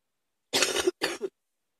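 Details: Two short, harsh cough bursts close together, each ending in a brief voiced catch; an acute adult cough that came on quickly.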